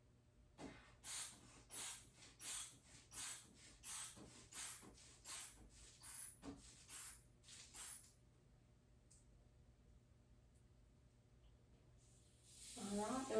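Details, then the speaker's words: Blood pressure cuff inflation on an adult male patient's arm while palpating the radial pulse for obliteration (about 130), before pumping to about 160 for a manual reading during physical therapy orthostatic vitals assessment. "So now I'm going to start doing radial obliteration to see how high I need to pump his cuff up."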